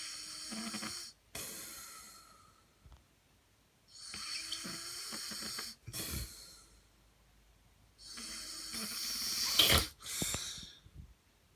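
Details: 15-year-old brother, 5 ft 10 in, 156 lb, snoring: three loud breath cycles with harsh hissing inhalations and snorting, fluttering exhalations, about five breaths a minute; snoring.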